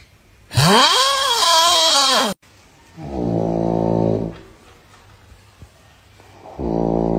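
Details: A loud rising whine, then two deep buzzing snore-like rattles; exaggerated comic snoring.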